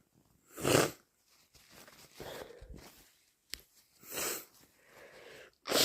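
Several loud, forceful sneezes with sharp nasal blows between them, in a small room; ordinary induced sneezing.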